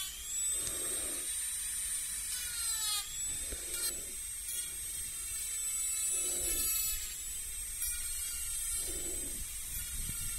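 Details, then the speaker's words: Simulated dental cleaning in an ASMR dentist roleplay: high whining dental instrument with short soft scraping bursts; dental cleaning instrument sound. "We're going to start with the cleaning. Okay, so please stay still. This won't hurt, so don't worry."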